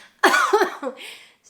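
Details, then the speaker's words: Adult woman still on antibiotics, with an ongoing cough now bringing up blood (she attributes it to throat irritation); one harsh voiced cough with throaty tail, then breathy exhale. "I still have this happening and I have a cough and now I am coughing up blood nice"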